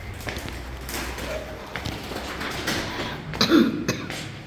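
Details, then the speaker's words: A coughing dog, which the owner has booked in to see a vet, gives a series of short, harsh coughing bursts, strongest near the end, over faint room noise. "Вот он в тиночка кашляет слышите Как вот так вот лёгки у него"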